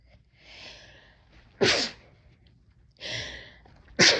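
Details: Two sneezes, each a hissing in-breath followed by a sharp explosive burst; sneezing.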